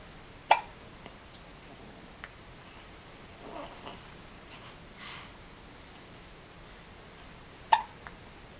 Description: First hiccups at less than 24 hours old.